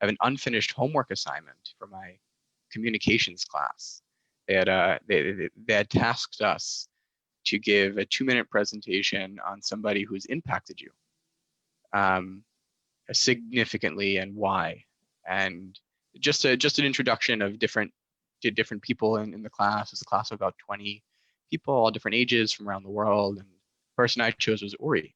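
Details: Adult male master's student who stutters; he is more fluent now than in elementary school but still has some disfluencies; stuttering.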